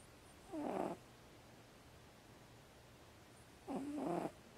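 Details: Two short, soft, rattly breaths about three seconds apart from a sleeping housecat; the owner is unsure it is really snoring or how asleep she was.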